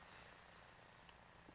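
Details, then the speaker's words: Infant girl with nasal mucus: low, steady purring rattle of noisy, snoring-like nasal breathing from blocked nasal passages, nasal congestion. "do you hear that you're that snoring sound"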